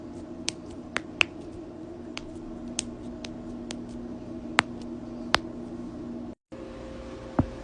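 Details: Hand and knuckle joint cracking: sharp, brief pops and clicks at irregular intervals, typical of harmless joint cracking.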